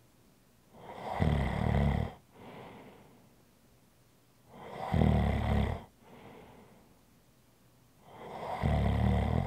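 Three rough, rattling snores on inhalation with quieter exhalations between, about every four seconds. Snoring in sleep.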